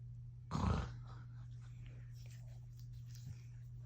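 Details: Adult man (father) sleeping; one loud, rough snoring snort over steady low room hum, followed by quiet breathing; snoring.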